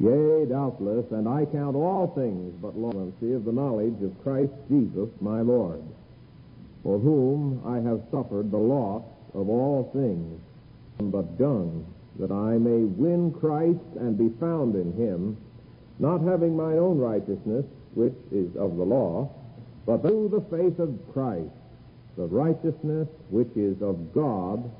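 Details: Adult man reading aloud; normal voice.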